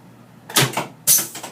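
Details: Two sharp thuds from a chiropractic table's drop piece releasing during a pelvic adjustment for lumbar/pelvic subluxation with leg-length imbalance.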